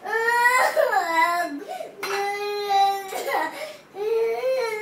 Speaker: why are you crying why are you